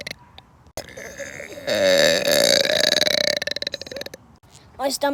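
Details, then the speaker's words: A long, loud, rumbling voiced belch, then a short second burp near the end, from a person on a trampoline: burping. "The burps are back, baby."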